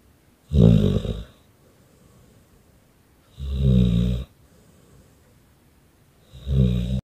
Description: Victor our #staffy #bullterrier #snoring